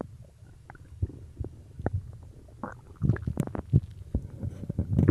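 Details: Stomach growling after drinking cola: low gurgling rumbles and bubbling pops from the belly, normal bowel sounds.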